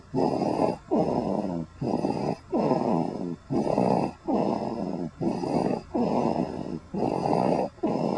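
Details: Loud, regular rattling snores at about 36 a minute, each breath a coarse fluttering rumble.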